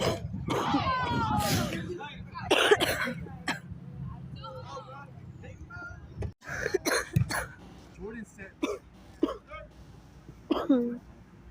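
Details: Adult woman's coughing attack: repeated harsh cough bursts with voiced, strained sounds between them.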